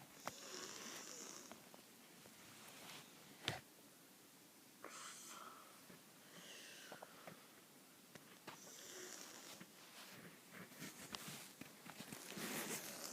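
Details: Snoring likened to a pig: irregular hissing, snorting breath noises with a rough snore on several breaths, in a small room.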